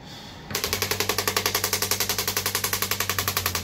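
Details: Radial shockwave therapy on an arm wrestler's triceps; rapid, steady mechanical tapping pulses, about four a second, over a low hum from a radial shockwave therapy device.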